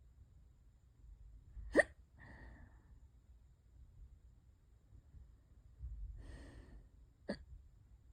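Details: Hiccups lasting hours and getting worse: two sharp, abrupt hiccups about 5.5 seconds apart, each with a brief breathy after-sound, over quiet room noise.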